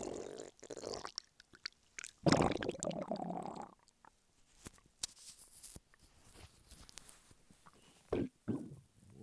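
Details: Male lying flat on his bed, hungry, recorded close up: gurgling, squelching bowel noises in bursts with quiet gaps, hunger stomach rumbling (borborygmi).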